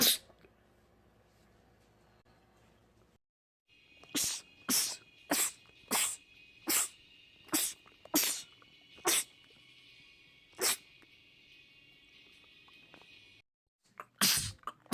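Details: Male sneezing compilation clip: a rapid run of about nine sharp sneezes over a steady background hum, then more sneezes after a pause, a sneezing fit.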